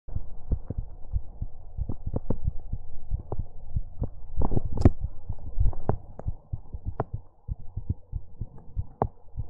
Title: ASMR Heartbeat Sounds and More | Heartbeat ASMR #45